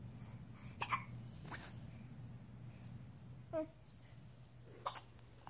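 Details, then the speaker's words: Three short, sharp catching sounds a second or more apart over a steady low room hum, from a child: hiccups. "Those are some hiccups, pal. Oh, buddy."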